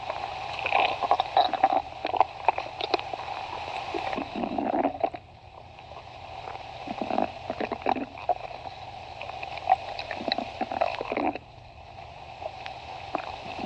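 Irregular gurgling, bubbling and rumbling bursts of stomach growling over a steady background hum.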